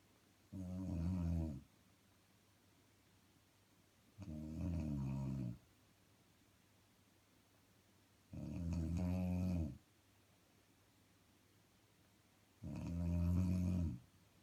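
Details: Person snoring while asleep: loud, rattling snores on each in-breath, about 14 a minute, with quiet pauses between; ordinary snoring.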